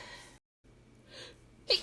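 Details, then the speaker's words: Performed roleplay sneeze made on request in an apologetic scenario: a breathy intake, then a sharp, hissing sneeze burst over faint room noise, after the speaker apologises for having to sneeze again. "Oh, I'm I'm so sorry. I think I'm going to I think I have to sneeze again."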